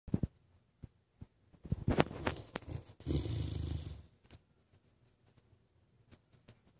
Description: Ace our Great Dane snoring like an old man!